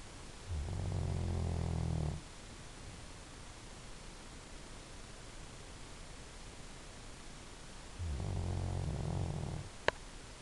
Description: Elvis the silver lab snoring. He's a good boy.